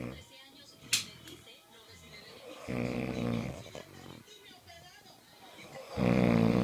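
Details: Loud, rattling snoring breaths about three seconds apart, with a television or music playing in the background.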